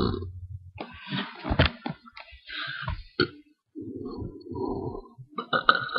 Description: these are some gross burps. rate and comment